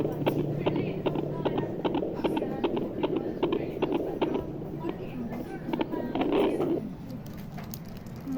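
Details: Fetal heartbeat at 9 months of pregnancy heard through a monitor: rapid, galloping whooshing thumps at about 150 beats a minute.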